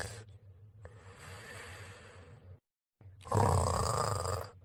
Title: Laddy and 39 snoring sound.